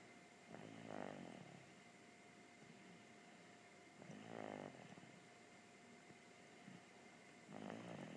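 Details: A man snoring, recorded September 2014: rhythmic rough snoring breaths about every 3.5 seconds, roughly 17 a minute, in a quiet room.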